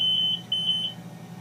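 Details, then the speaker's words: BiPAP machine, nurse training demonstration: shrill repeated electronic beeps of an audible proximal line disconnect alarm, stopping when the small pressure tube is reconnected; indicates a fault present at that moment. "now we have an audible alarm and we can see the alarm message there proximal line disconnect and we reconnect it and the audible alarm goes away because we have fixed the problem"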